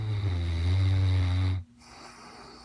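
A deep, loud, rumbling snore lasting over a second, then it stops and only quiet room sound remains.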